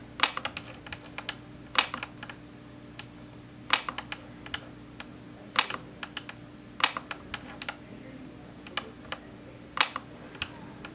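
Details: Sharp clicks at irregular intervals over a steady room hum: YAG laser pulses during vitreolysis of a C-shaped Weiss ring floater, after the patient looked down to move it forward; floater about half its original length.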